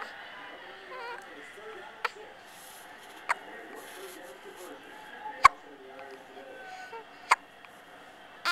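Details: Infant hiccups: four brief sharp hiccup clicks spaced irregularly over about eight seconds, with soft infant fussing sounds and faint room noise.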